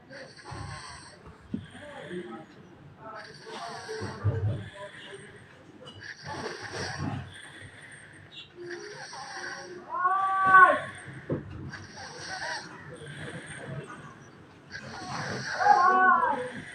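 Soft, uneven, noisy breaths in sleep with a faint whistle at times, roughly every five to six seconds; light snoring.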